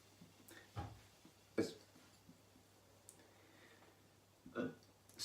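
Several short, abrupt throaty bursts in a quiet room, fitting repeated belches.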